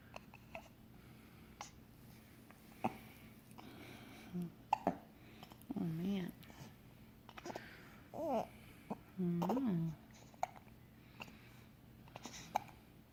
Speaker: This is Graceland. She'll be 3 weeks tomorrow. She's got the hiccups right now.